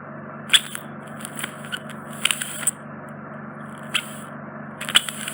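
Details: Microsuction of a large, deep impacted wax plug in an adult man's right ear canal, which was causing reduced hearing: steady high suction hiss broken by crackling scrapes and pops.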